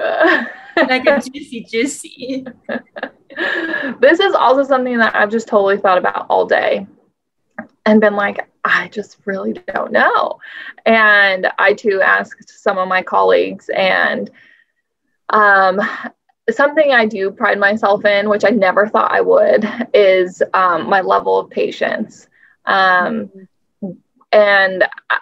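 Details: Adult woman speaking; Normal speech.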